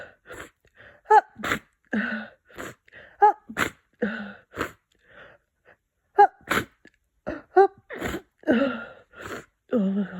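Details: Person with a cold, nasal congestion: repeated wet sniffs and several congested sneezes with quiet pauses between.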